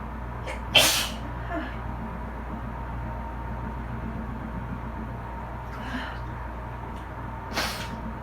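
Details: Person sitting in a bath after cleaning with bleach, to which they are allergic: two loud, explosive sneezes several seconds apart, with water and wiping noises between, over dryer and A/C hum; repeated allergic sneezing.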